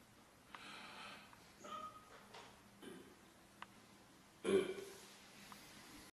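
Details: Girl burping: several short, rough throaty burps in a quiet room, the loudest near the end.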